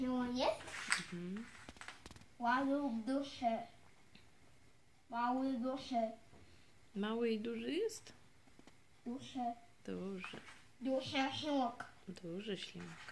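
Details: Autistic boy repeating the same phrases while setting up dominoes, with his mother redirecting it toward dialogue; producing even a single sound was once very hard for him; delayed echolalia.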